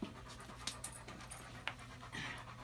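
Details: Quick, soft, open-mouthed panting from Oscar, an older German Shepherd with rear leg weakness and left buttock atrophy, during a chiropractic adjustment; faint room noise and a brief voice.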